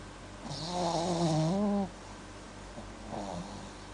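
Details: Dog snoring while asleep: a drawn-out, tonal, slightly wavering snore followed by a softer one.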